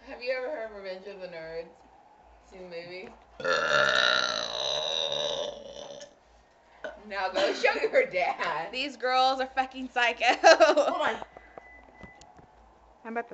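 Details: A female deliberately producing one long, rough, drawn-out belch between bursts of talking and laughter: burping.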